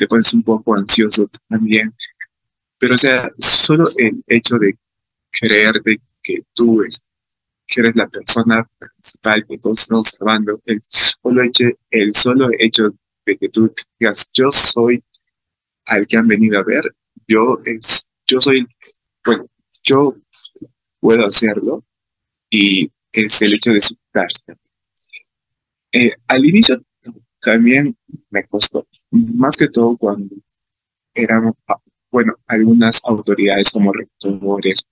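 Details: Adult male who stutters and reports fear of stuttering when participating in class, giving a real Spanish-language talk about his own experience at a stuttering festival; stuttering.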